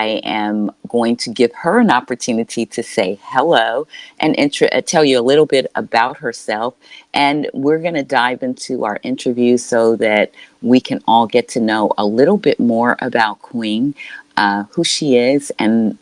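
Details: Adult speaker (interview host); Normal fluent speech.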